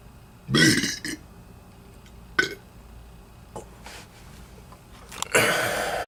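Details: Burping after drinking Barq's root beer: several loud burps, the last long and rasping, with quiet pauses between them; repeated belching.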